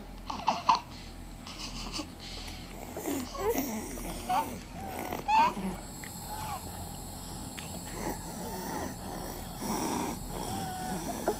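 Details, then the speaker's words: A child breathes with high-pitched whistling wheezes and effortful, noisy breaths during an asthma attack, one said to be caused by illegal levels of air pollution. "How does it make you feel when I tell you that this child is having an asthma attack? It is an asthma attack caused by air pollution of illegal levels, air pollution caused by the burning of fossil fuels,"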